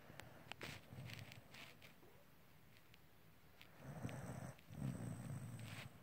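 Two low, rumbling, fluttering breaths over a quiet background with scattered clicks: snoring, from a sound-effect recording.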